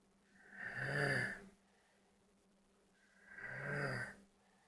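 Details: Snoring during sleep: two slow, rasping breath noises about three seconds apart with quiet between.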